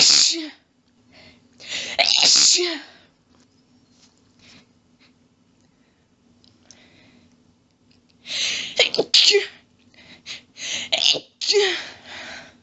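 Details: Sneezing fit in a woman who can't stop sneezing. Rapid sharp sneezes, including quadruples, come in two clusters separated by quiet breathing.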